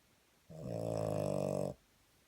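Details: Single loud, rattling snore lasting just over a second with a fluttering vibration; unclear whether from a sleeping child or the dog.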